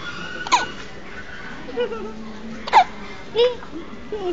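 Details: Three or four sudden, short, squeaky hiccup bursts from a person at irregular intervals, with faint background noise.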